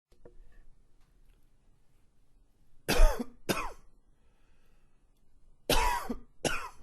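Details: Two pairs of harsh, forceful coughs separated by quiet pauses, part of a coughing fit.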